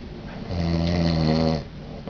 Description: husband snoring because he allergic to down pillows on cruise